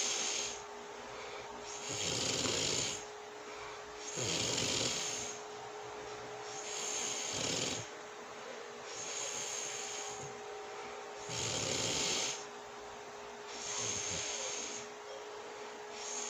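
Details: Person sleeping with regular, breathy snoring on each inhalation, about 7 breaths per minute, over a steady background hum; snoring.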